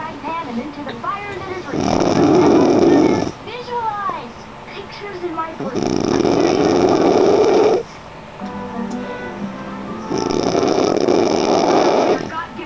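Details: Person (female) snoring loudly during sleep, keeping others awake: three loud, rough, rattling snores of about a second and a half each, quieter breathing and faint background music between.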